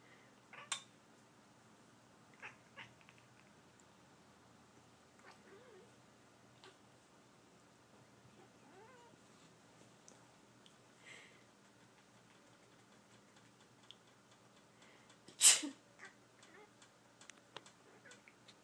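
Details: A sharp, forceful sneeze bursts out in a quiet room beside a sleeping pet cat, with soft cat meows and small noises around it.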